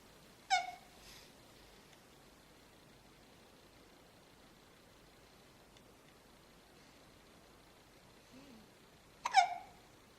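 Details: Hiccups: two brief, sharp, high-pitched catches about nine seconds apart in a quiet room.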